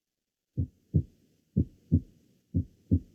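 Regular paired lub-dub heartbeats at about 60 a minute: normal first and second heart sounds.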